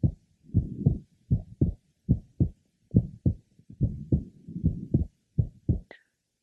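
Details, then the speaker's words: Regular heart sounds near 70 a minute, second sound split on inspiration and single on expiration, plus a faint, short midsystolic innocent pulmonic systolic murmur. "now listen carefully for a faint murmur in midy it is short in duration and is typical of an innocent pulmonic systolic merma"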